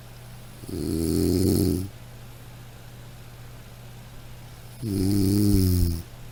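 Two long, rattling, throaty snores on breathing in, separated by a quiet pause; snoring.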